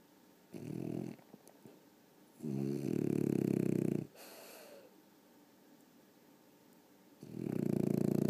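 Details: Sleeping dog snoring: a long rattling snore on each breath, about three breaths heard, over faint room hum; snoring.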